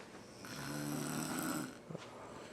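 One loud, rattling snore on an in-breath, then a short snort; quiet room background.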